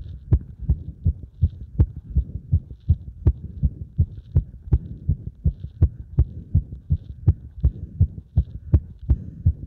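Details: Cardiac arrhythmia heard after chest compression plus squats: fast, loud heartbeat with close-spaced thumps at uneven intervals against a noisy rumble, consistent with an irregular rhythm.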